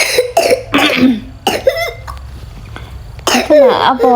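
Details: Child's pertussis paroxysm: a run of harsh, closely spaced coughs with voiced, strained tails, with prompting to bring up phlegm and vomit.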